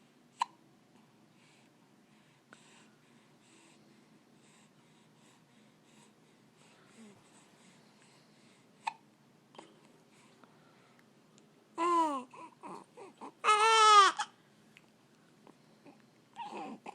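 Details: Child bothered by hiccups: several sharp, brief hiccup catches spaced seconds apart in a quiet room, with a couple of louder voiced sounds near the end.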